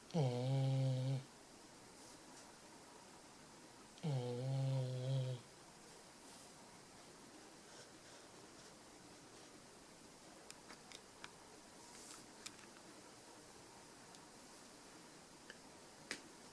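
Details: Cat named Roy gives two loud, buzzing, low-pitched snores a few seconds apart while sleeping, then quiet breathing; snoring.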